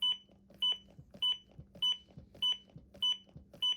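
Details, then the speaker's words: ZOLL AED Pro CPR metronome during a training demonstration: steady high-pitched beeps pacing chest compressions at about 105 a minute, over faint room noise. "And then you'll also hear a metronome that comes on. If you can stay on beat with the metronome, you'll average 105 compressions per minute. So every time you hear a beep, you should do a compression."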